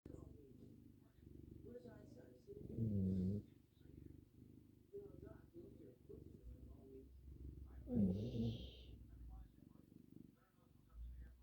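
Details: A sleeping pet snores next to another for one minute: a steady low rumble with louder, drawn-out snoring breaths recurring about every five seconds, roughly 12 a minute.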